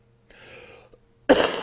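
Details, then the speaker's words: Cough from an adult man still recovering from a throat problem the previous week, worsened by dry studio air; a soft throat-clearing sound, then a single sharp cough in a quiet room. "well i cough i'm still getting over the problem i was having last week with my throat"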